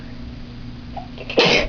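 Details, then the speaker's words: A sneeze self-induced by clipping a bobby pin in the nose and wiggling it: a single short, sharp sneeze bursts out after quiet room noise. "And what you do is you clip it on your nose and then you wiggle it around a little bit and it makes you sneeze."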